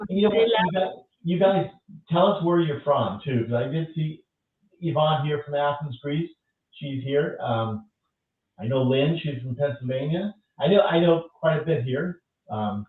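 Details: Adult host speaking; Typical speech.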